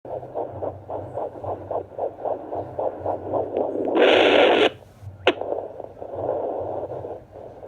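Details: Doppler on a pregnant Boston Terrier at 47 days' gestation: rapid, regular whooshing pulses of a puppy's heartbeat, roughly 270 a minute, then probe scraping noise; used to confirm pregnancy and count puppies.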